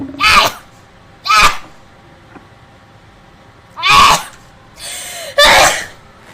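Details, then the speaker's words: Several sharp, explosive bursts in quick succession with brief breaths between; a run of rapid repeated sneezes. "wait i just got my sneezes on thank you sorry excuse me"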